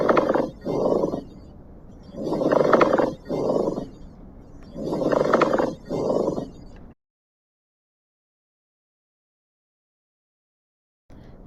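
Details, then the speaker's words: Pleural friction rub from lung auscultation with the stethoscope diaphragm, listening at multiple sites over upper and lower lobes: coarse, creaking rubbing sounds in both breathing phases. "ensure to listen at multiple sites for both the upper and lower lobes here's an example of plural rub"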